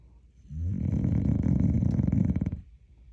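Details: A single long, deep, rattling snort-like snore from a dog, fluttering rapidly throughout, likened to a hog: snoring.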